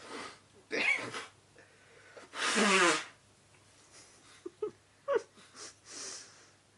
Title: Boyfriend sneezing into handkerchief, wearing my dress shirt